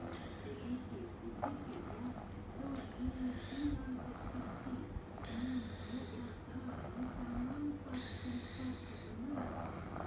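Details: Regular noisy sleep breathing from a toddler aged 1 year 7 months, with a low rattling rumble and breathy inhalations about every two and a half seconds: snoring.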